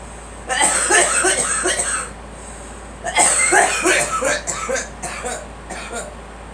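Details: A girl coughs in two rapid bouts of repeated voiced coughs separated by a brief pause, with faint room noise, while being encouraged to let it out.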